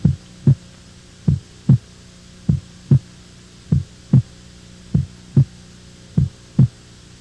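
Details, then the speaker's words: Normal heart sounds S1 and S2, regular paired lub-dub at about 49 beats a minute with clean silence between beats; the second sound is higher-pitched and shorter than the first, following aortic and pulmonary valve closure. "o som da segunda bulha é mais agudo e sua duração é menor quando comparada à primeira bulha"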